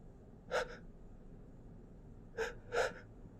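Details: Stifled sneezes, attempted holdback into tissues: three short, sharp, muffled bursts of air through the nose.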